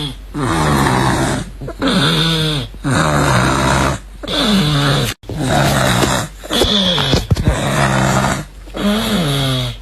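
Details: Loud, deep, rattling, growling snores on each breath, roughly ten breaths a minute; snoring.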